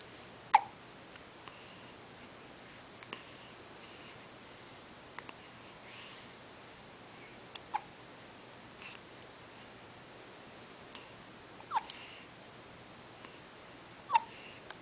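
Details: A baby hiccuping: sharp, brief gulping clicks every few seconds in a quiet room, about five in fifteen seconds; hiccups.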